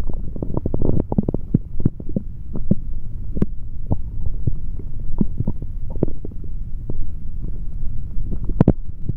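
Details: Male abdomen recorded through a stethoscope after drinking a chocolate protein shake: frequent low gurgles and rumbling clicks, active bowel sounds and stomach growling.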